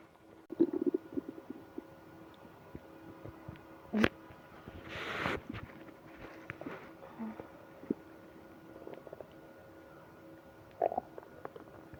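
Scattered soft gurgles and squeaks with a longer rumbling swish, ordinary stomach growling over a faint steady room hum.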